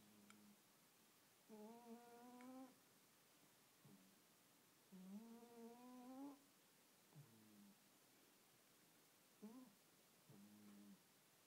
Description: My cat is snoring :O